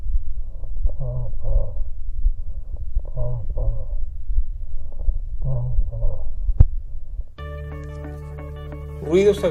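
Repeated syllables transmitted through the chest wall sound muffled, with a nasal, bleating quality: egophony. Music follows at the end.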